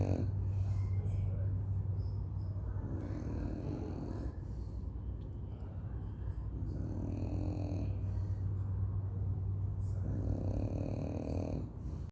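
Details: Sleeping dog snoring: low, rumbling breath sounds rising and falling in slow cycles over a steady hum.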